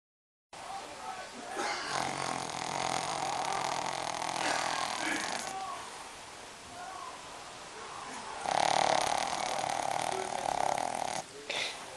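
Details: Long, rough buzzing snores with brief quieter gaps between breaths from a dog sleeping deeply; snoring.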